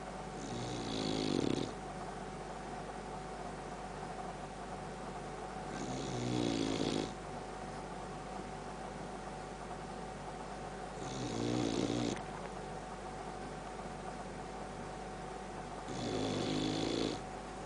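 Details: Sleeping Boxer dog, a habitual loud snorer: regular rattling snores about every five seconds, roughly 12 a minute, over a steady room hum.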